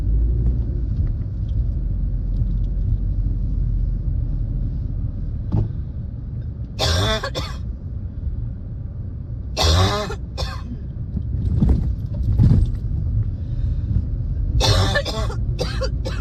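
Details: Coughing fits with a spring cold, recorded while driving at night; repeated bouts of harsh coughing, several coughs each, over steady low road rumble inside the car.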